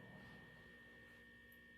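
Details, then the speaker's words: Weber test during a head-to-toe exam, fork struck and placed at center of head: steady faint ringing tuning fork tone over low room hum; heard equally in both ears, no lateralization. "I'm going to use this tuning fork. I'm going to hit it and I'm going to put it at the center of your head. You just let me know if you hear the sound equally in both ears or more on one side than"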